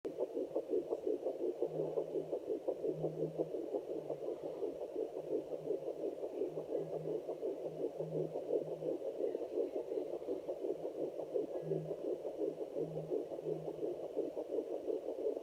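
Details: Fetal heartbeat at 10 weeks of pregnancy on a fetal Doppler: rapid, steady whooshing pulses, about 165 beats a minute.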